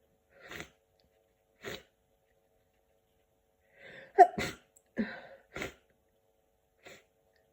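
Several quiet, sharp sneezes with short breaths between them in a silent room: a run of sneezing with a cold.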